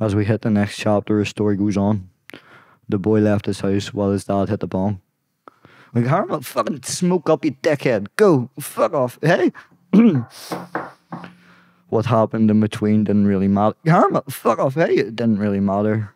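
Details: Adult man with Tourette syndrome; involuntary vocal tics interrupt him while reading a poem aloud; vocal tics (Tourette syndrome).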